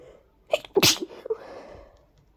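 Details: Sneezing that grew stronger and harder to control: a quick inward catch of breath, then one forceful, explosive sneeze and a fading exhale; short, strong sneezes.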